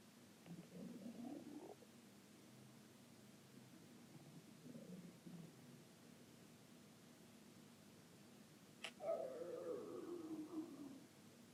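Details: Stomach growling (borborygmi): soft low gurgles and a longer rumbling growl over quiet room noise.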